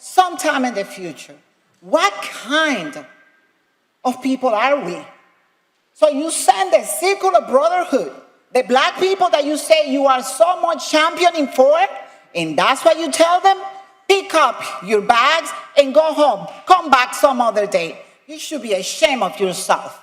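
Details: Adult speaker; normal speech.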